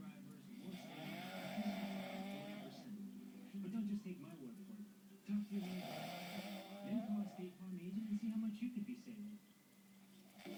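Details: Weird loud snoring during sleep: long, rough, vibrating snores with each breath, roughly every four to five seconds.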